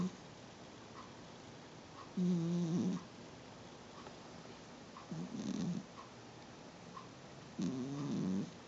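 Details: Sweet, gentle snoring while asleep.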